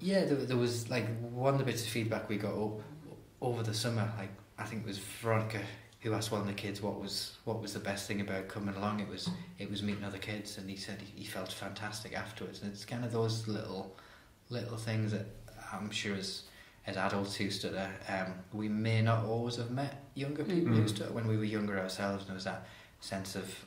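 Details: Adult man who stammers, openly discloses his stammer and attends therapy; stuttering.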